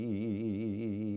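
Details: Dystonic vocal tremor of spasmodic dysphonia (laryngeal dystonia), with varying tremor frequency and amplitude, imitated by a clinician rather than produced by a patient.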